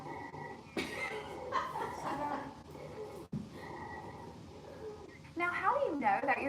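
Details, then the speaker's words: Sample audio of high-pitched, continuous, musical whistling in the breathing, loudest on expiration but also on inspiration, heard throughout the chest: wheezes from narrowed airways. "well you want to pay attention to the timing the wheezers you're mainly going to hear them on expiration where they're going to be the loudest but you can note them on inspiration and expiration and their pitch is going to be high"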